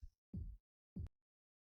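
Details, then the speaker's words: Soft, low, dull thumps through a stethoscope as a manual blood pressure cuff slowly deflates, first thump marking systolic and last marking diastolic pressure, in a teaching demonstration; Korotkoff sounds. "As the cuff deflates and the needle continues to move, you will continue to hear the thumping sounds. Listen closely for the last thump."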